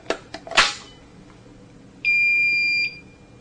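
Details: A few clicks as a new electrode cartridge snaps into a Philips HeartStart HS1 defibrillator, then a steady electronic beep under a second long, the device's self-check tone.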